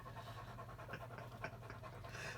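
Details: Older German Shepherd with rear leg weakness and left buttock atrophy, during a chiropractic atlas adjustment: quick, soft, rhythmic open-mouth breaths with a low background hum, panting.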